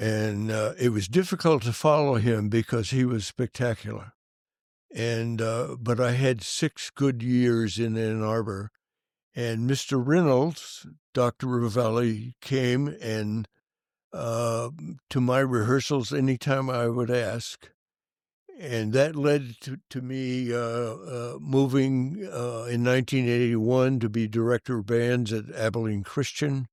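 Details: Adult male band director with stuttering that was severe in childhood and stayed severe for many years; he says he still stutters, as can be heard. Finding: stuttering.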